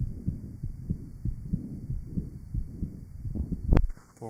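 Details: 1955 Johns Hopkins heart sound laboratory recording, likely from the aortic area, of rheumatic mitral valve disease: regular low heart thumps over the hum of an old recording.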